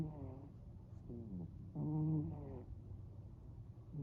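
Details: A sleeping cat snoring gently: soft, low, voiced rumbling on each breath.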